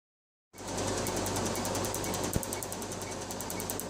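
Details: MedLite C6 Q-switched laser removing a black and grey tattoo: rapid, fairly regular snapping laser pulses, about four a second, over a steady machine hum.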